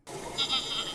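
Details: Expiratory grunting in a patient with severe respiratory distress heading towards respiratory failure.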